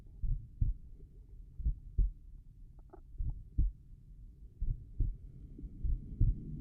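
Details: Normal heart sounds.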